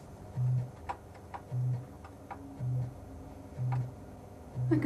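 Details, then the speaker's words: Woman who went deaf at 40, being fitted with one of the first cochlear implants: five short low test beeps about once a second over faint room hiss, which she reports sound quite quiet. "We can hear the sound as well now. Is that the best place for the sound? It's quite quiet, actually."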